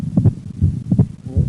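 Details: Split second heart sound with right bundle branch block: low heart sounds at about 80 a minute with a doubled second-sound component, while the patient breathes in and out.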